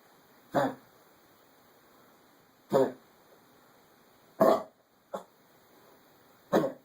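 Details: Marty, a dog: five short, harsh coughing bursts over about seven seconds, spaced irregularly in a quiet room.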